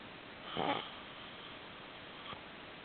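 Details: One brief snorting snore on inhalation, then a faint second sound, over hissing background; loud snoring.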